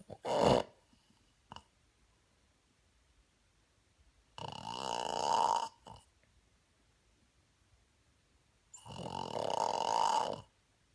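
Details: Three rough, rumbling snores with long quiet pauses between them; typical snoring.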